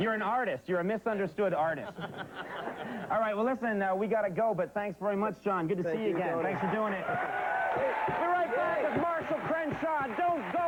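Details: Adult male speaker; ordinary speech.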